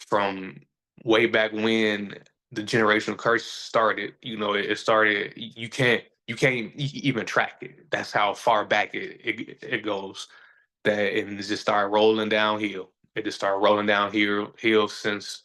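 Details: Adult man who says he stutters and that everybody sees or hears it; stuttering.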